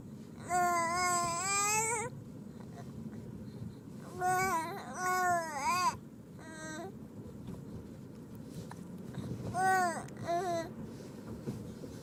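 Several short, rising and falling infant wails and fussing cries, separated by pauses.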